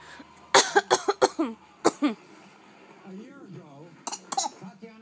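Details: A mother gives a quick series of short, deliberate coughs, then her 7-month-old baby babbles and imitates them with cough-like bursts: voluntary coughing.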